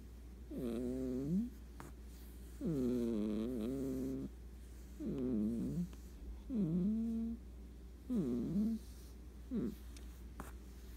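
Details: Sleeping cat snoring: soft, tonal, whistling snores, about six in eleven seconds, over a steady low hum.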